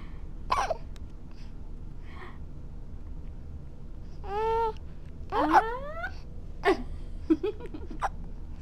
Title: has the hiccups